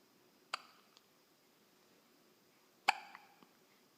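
Two sharp, sudden hiccups about two seconds apart, each a brief clicking catch of breath, in a quiet room; hiccups.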